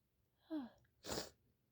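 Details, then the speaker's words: One forceful, explosive sneeze after a voiced in-breath, during a late-night run of repeated intense sneezing (about 50 that day) that the person guesses is allergies or a cold; usually softer sneezes. "that was the intense sneezes I don't usually sneeze this intense I usually have a lot more softer sneezes"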